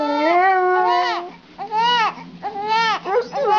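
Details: Loud, tonal wailing cries in repeated bursts with rising and falling pitch; an infant crying while a dog howls along.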